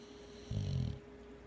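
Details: Tired, sleeping Boxer dog snoring: a single low, rumbling snore, typical of a short-nosed breed.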